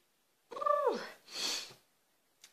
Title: Hayfever sneezing Part 2